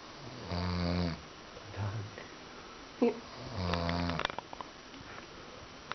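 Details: Man snoring extremely loudly: rattling snores on the in-breath, two heavy cycles with quieter breathing and a snort between them.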